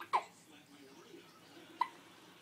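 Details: One-week-old baby boy with hiccups: two short, sharp hiccup sounds about one and a half seconds apart, with quiet room noise between them.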